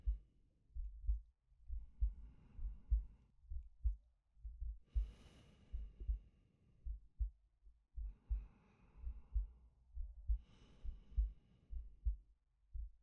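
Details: Soft low heartbeat, roughly 67 a minute, with slow airy breaths, about four in thirteen seconds, from a male ASMR sleep-aid recording; a calm resting heartbeat and breathing.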